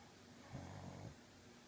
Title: My sleeping (and snoring) babies!